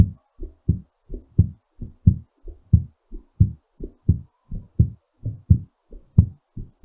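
Clear, strong lub-dub heart sounds at about 88 beats a minute, slowing back down as the heart recovers after exercise.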